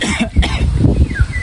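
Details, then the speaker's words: Adult acting in a student skit commercial for cough syrup gives a quick series of several short, throaty coughs with some room noise; simulated cough. "hala Paano na magpa-check UP na kaya ako a duk duk Kanina pa ako inuubo mamamatay na ba ako"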